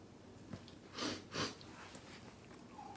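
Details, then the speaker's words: Dog dozing on a side chair, drifting in and out of sleep, gives two soft, rough, noisy breaths over quiet room noise; faint snoring. "I don't know if you can hear the faintest snoring in the background. Corn Dog is on our side chair over here, and he goes in and out of sleep."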